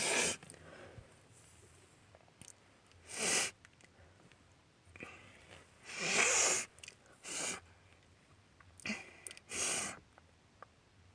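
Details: Loud allergy sneezes and sniffles from a female: about six loud, hissing sneezes and sniffles in ten seconds in a quiet room.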